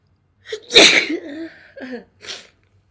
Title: minto sneezing1 short HD